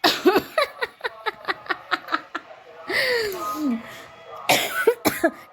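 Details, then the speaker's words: Adult woman with a slight cough after drinking cold water: quick laughter, a sudden sharp intake of breath, then about three abrupt, harsh coughs. "आज मेरी आवाज है ना कुछ खांसी हो गई है थोड़ी सी थोड़ी-थोड़ी सी थोड़ी-थोड़ी सी।"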